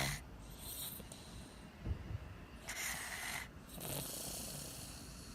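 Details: 10-month-old infant, heavy snorer, in deep sleep: noisy, rattling sleep breaths with snorting on inhaling; snoring.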